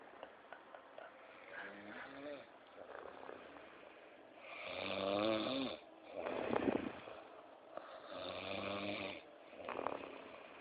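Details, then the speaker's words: Loud, rough, rattling snores in quick succession from a man asleep just after midnight, quieter snoring breaths before them; small room faintly audible. Snoring. "O cara já tá dormindo, já tá roncando, velho."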